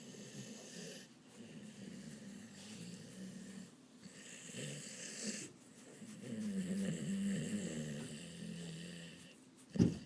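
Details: Awake dog snoring while resting his head on his owner's lap; low, rough, rumbling breaths repeating over several seconds, ending with a brief sharp noise.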